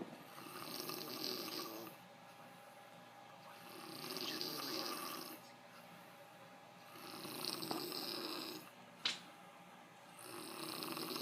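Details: Adult man (the uploader's father) snoring in sleep: steady rasping snores on each breath in, about 14 breaths a minute, with quieter exhales between.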